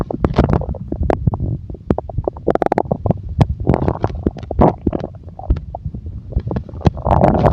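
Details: Stomach growling: busy, fairly loud low gurgling with many short pops and bubbling bursts.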